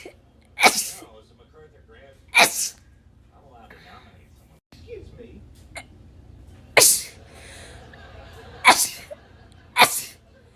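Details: Five sharp, rapid sneezes in quick succession with faint room noise and brief talk between, from a person in a compilation of rapid sneezes; repeated sneezing.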